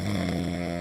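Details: Snoring sound played to babies: snoring.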